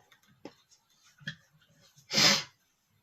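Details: Male sneezing, described as not powerful: a couple of small in-breaths, then one short, hissing burst of air; a single mild sneeze.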